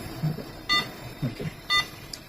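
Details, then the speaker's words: Opened multiparameter patient monitor repaired after failing to power on, running with casing removed: two short electronic beeps about one second apart from its internal speaker, faint room and handling noise; patient monitor beep. "ഇപ്പുറത്തായിട്ട് നുക്ക് beep sound ഒക്കെ കേൾക്കാൻ വേണ്ടി ഒരു സ്പീക്കറും ഈ ഏറ്റവും അറ്റത്തായിട്ട് ഒരു speaker ഇവിടെ കൊടുത്തിട്ടുണ്ട്"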